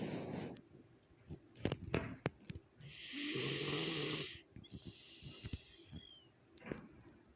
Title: snoring